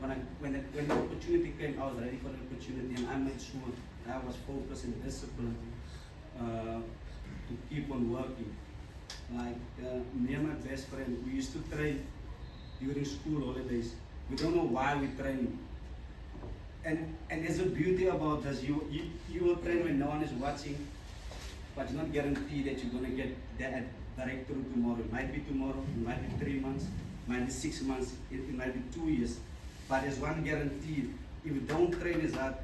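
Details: Adult man, a former rugby sevens player, who stutters. He says his stutter began in childhood and was very severe then. Finding: stuttering.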